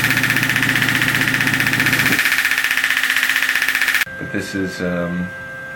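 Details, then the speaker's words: Radial pressure wave (not true shock wave) handpiece on the left ankle of a young basketball player with a sprain three weeks ago, swollen ankle, pain below the ankle and at the lateral malleolus: rapid even tapping about 230 pulses a minute, then stops abruptly. "wave or pressure wave. Some people call it radial shock wave. It's not true shock wave, but it is a very effective modality for reducing pain and inflammation."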